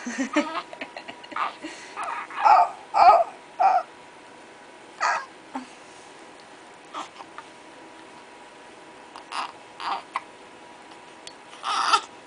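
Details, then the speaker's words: Newborn girl a few days old with hiccups, seemingly annoyed by them: short, broken fussing cries interrupted by brief hiccup catches against quiet room noise. "annoyed I thinkno at her hiccup she can't even cry in peace"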